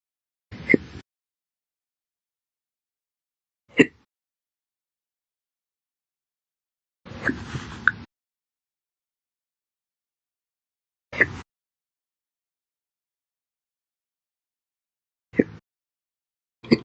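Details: Person who gets slow hiccups daily: six brief, abrupt gulping hiccups a few seconds apart with silence between; a slow hiccup pattern.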